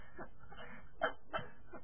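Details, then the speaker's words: Person with Tourette syndrome tics on camera: two brief, high, squeaky vocal bursts in a quiet room, described as a vocal and motor tic. "That was one of them. That was a vocal and motor tic."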